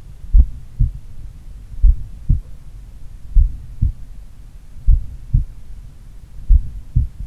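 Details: Slow, strong, clear lub-dub heart sounds at about 40 beats a minute, recorded in the morning by stethoscope on a person doing regular daily cardio training. Sites pulmonary, Erb's point, mitral; slight S3 noted at mitral. Normal heart sounds.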